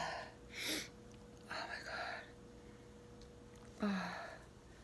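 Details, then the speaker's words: Person deliberately inducing sneezes, saying it tickles, with build-up 'ah' breaths before sneezing. "I want to sneeze for you so bad. It tickles."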